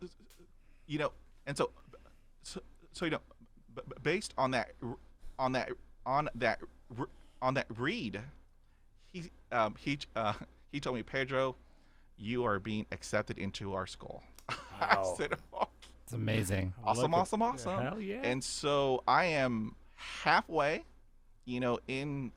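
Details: Adult man who has stuttered since childhood, describing about 80% fluency with blocks and repetitions after 20 years of speech therapy; stuttering.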